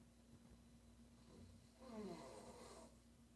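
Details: Woman snoring: a faint snorting breath followed by one louder rattling snore against a quiet room hum.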